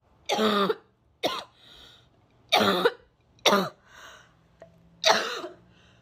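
Five forceful, harsh coughs with strained, retching-like voicing and noisy breaths drawn in between.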